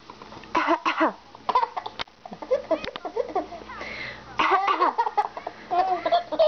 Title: Cute baby laughing at mommy sneezing